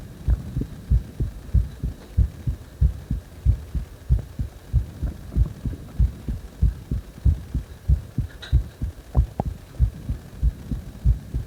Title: 呼吸音強めな心臓音